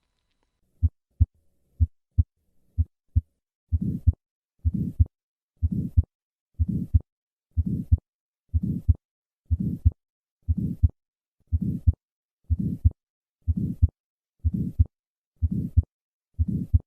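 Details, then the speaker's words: Innocent systolic murmur, early-peaking, usually grade 1 or 2, contrasted with late-peaking harsher aortic stenosis; educational cardiac auscultation recording, with normal carotid pulse associated. "innocent systolic murmurs peak early in systole and are usually grade 1 or 2 while aortic stenosis peaks late in systole and is more harsh listen to the early peaking of an innocent systolic murmur"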